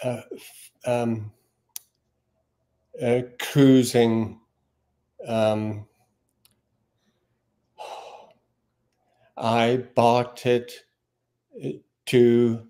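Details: Aphasia after stroke in a man, stroke in June 2020, initially unable to speak a word or read, speech since recovered with app-based practice; halting speech with fillers and word-finding pauses.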